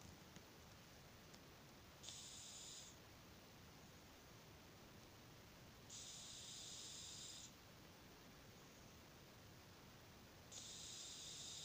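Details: Cat sleeping in a weird position, snoring very loudly: regular hissy, whistling snores on each breath, about 14 a minute, over quiet room noise.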